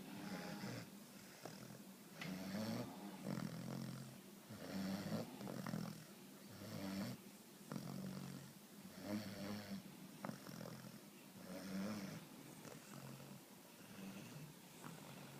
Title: Puppy funny snoring video